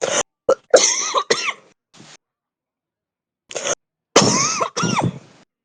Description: 11 minutes of real heavy smoker's cough. Deep, chesty and intense coughing